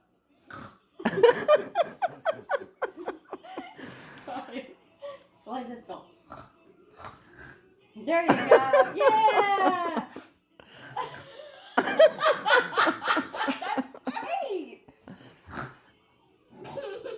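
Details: Person playfully imitating burping: voiced burping and snorting sounds mixed with laughter.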